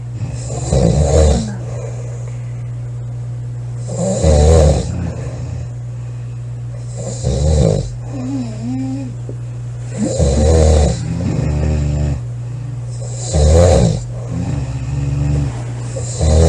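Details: A girl asleep and snoring loudly, recorded July 21 2017: loud, rough snoring in regular bursts, about 20 a minute, over a steady low background hum.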